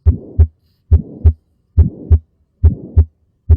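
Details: Teaching recording of abnormal heart sounds, pulmonary stenosis (narrowed pulmonary valve): a regular heartbeat at about 70 a minute with a harsh murmur filling the gap between the first and second sounds.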